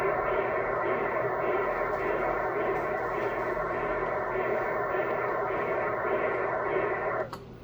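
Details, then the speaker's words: Transcranial Doppler in a 7-year-old girl with sickle cell disease after a recent severe crisis: pulsing whooshing flow at a steady rate; highest velocity in the left middle cerebral artery, above 200 cm/s and signalling high cerebral infarction risk. "donc généralement les vitesses sont modérément élevées la vitesse la plus élevée on l'a trouvé au niveau de la terre cérébrale moyenne gauche"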